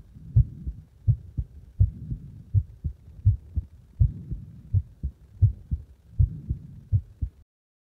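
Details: Heartbeat deliberately made faster and slower: low, dull beats around 80 per minute with the spacing between beats shifting faster and slower, a heartbeat with varying rate.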